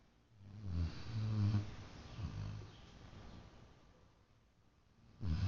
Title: Snoring baby